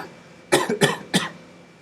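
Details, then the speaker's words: Three quick cough bursts from an adult in a quiet room while demonstrating audio recording software. "okay so what I'll do now is I don't want the coughing is that the"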